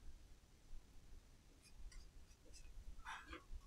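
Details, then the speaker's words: Loud stomach growling (borborygmi) from an adult woman, heard over quiet room hum with faint squeaks: a brief gurgling, rising-and-falling growl near the end. "stomach's growling I hope you can't hear that that's really loud"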